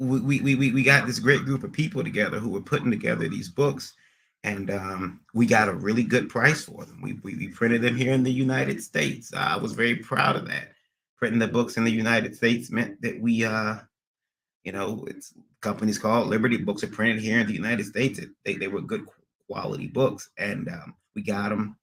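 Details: Acquired neurogenic stuttering in an adult male after a recent transient ischemic attack (MRI and another scan showed slight damage), under neurologist care with physical, occupational and speech therapy; speech not fully recovered, occasional stuttering persisting almost a year later.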